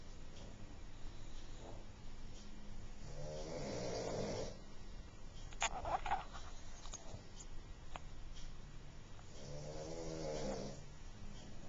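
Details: Pug snoring, recorded with a Flip Video camcorder: two rattling, fluttering snores about six seconds apart with noisy breathing between, typical of a flat-faced dog.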